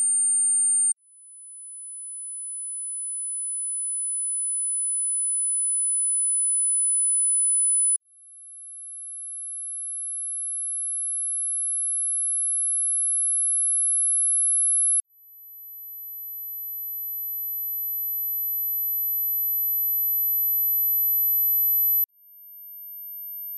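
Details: Tinnitus pitch-matching test, pure sine-wave tones from 200 Hz to 14000 Hz: steady, very high-pitched pure tones that step higher about every seven seconds.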